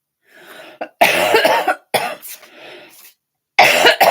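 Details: An adult who is still sick after an illness, coughing during a live stream: a throat-clearing hack, then two harsh, forceful coughs; a cough with a cold.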